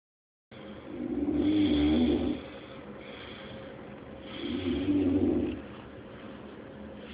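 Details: Loud snoring, much louder in reality, that was hard to sleep through: two long, rumbling snores about three seconds apart over a steady background hum; snoring.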